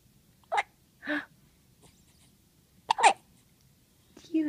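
Several short, sharp voiced hiccups spaced about a second apart in a quiet room; repeated hiccups.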